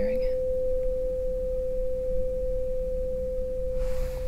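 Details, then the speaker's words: Pure, steady tuning fork tone held several seconds, with faint rustling, placed on the mastoid then brought forward in a Rinne hearing test; simulated binaural ASMR ear exam role play. "Do you hear it? Yes. Okay, let me know when you stop hearing it."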